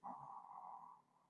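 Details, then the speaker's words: Dog snoring just beside the speaker, heard faintly in the background during talk. "where do you go from here and if you can hear somebody snoring that's my dog she's just like literally to my left here"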